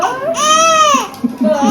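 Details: Baby at 6-week vaccination, crying right after injections in one leg and right shoulder: loud, high-pitched wailing with rising and falling tone, then softer fussing.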